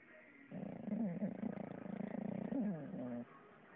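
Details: A sleeping English bulldog gives one long, fluttering, rattling noise with a wavering pitch, then quiet room noise: loud snoring.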